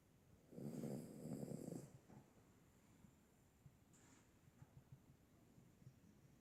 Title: "SNORING AND RUNNING IN OUR SLEEP" 😂 stars NOO, SENIOR RESCUE DOG & PERCY THE LABRADOR 🐶 241p